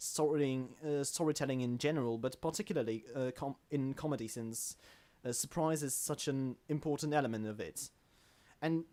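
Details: Man who self-identifies as a stammerer, in natural conversational speech with word and phrase repetitions; stuttering.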